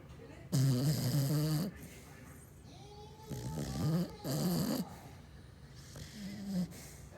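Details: Sleeping pet dog: loud, low, rattling snores in slow, irregular breaths, some with a groaning voiced quality: snoring.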